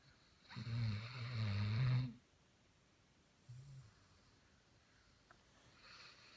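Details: Labrador dog's loud snoring during sleep.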